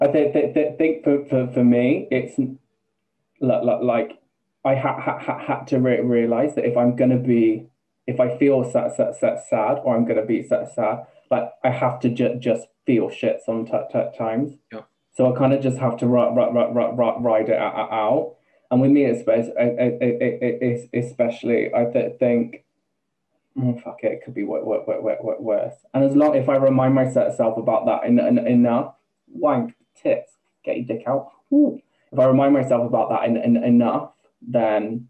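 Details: Man, 28, with Tourette's for just over two years, onset after health issues and a string of seizures; vocal tics with involuntary swearing (coprolalia) and repeated words, plus a new stammer where sometimes no sound comes out; vocal tics with coprolalia and stuttering.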